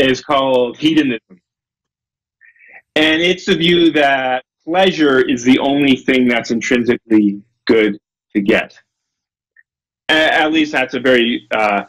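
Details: Adult male lecturer with a self-reported stutter, getting stuck on his words; stuttering.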